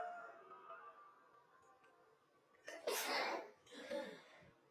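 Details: Girl in early stages of flu sneezing while about to take selfies: soft breathy build-up, sharp explosive sneeze and smaller second burst, slowed-down audio.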